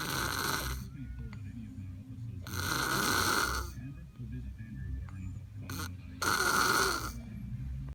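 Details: Snoring while wearing sunglasses: loud rattling snores on each in-breath, about three in eight seconds, with quieter breathing between and faint background sounds.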